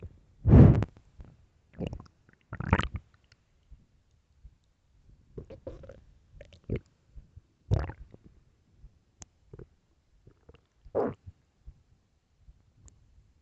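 Loud, low gurgling rumbles in several bursts with quiet gaps, typical ordinary stomach growling from gas and fluid moving through the gut.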